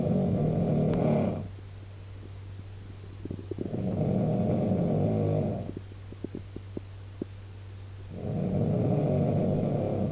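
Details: Backpacker filmed on a mobile phone snoring so badly a companion couldn't sleep: loud, rough, fluttering snores on each in-breath, about three in ten seconds, with quiet pauses; ordinary snoring.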